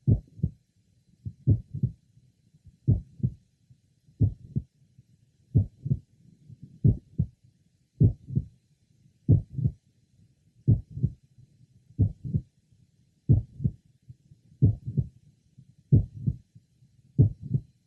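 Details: 22-year-old man with familial mitral valve prolapse, heard at the apex and left lower sternal border: regular heartbeat near 47/min, a mid-systolic click introducing a late systolic murmur.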